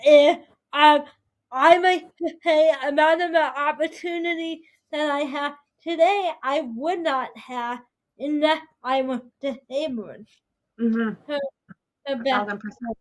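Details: 22-year-old adult woman with spastic quadriplegic cerebral palsy affecting her whole body including speech, right side impaired, uses a walker or wheelchair: dysarthria (cerebral palsy).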